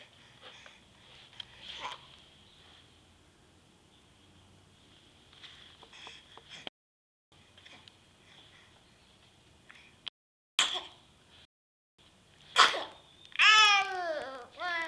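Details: Baby girl sneezing: soft infant sniffs and brief sneeze bursts, followed by the short, high, squeaky sound she usually makes after sneezing; an ordinary baby sneeze.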